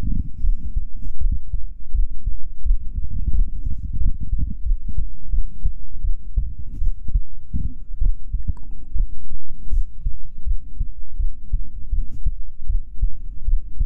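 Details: Binaural ASMR roleplay of sleeping on a boyfriend's chest: steady muffled low heartbeat thumps heard close up through the chest, with soft rustling.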